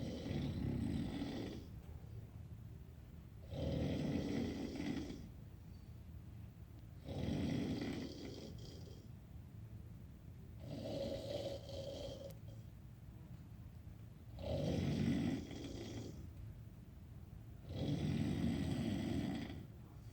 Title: Snoring like no one hear you.